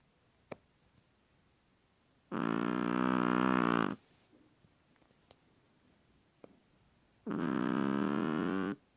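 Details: Seven-month-old female long-haired Chihuahua asleep: two long, loud, buzzing, rattly snores about five seconds apart, with quiet pauses between; snoring in a small dog.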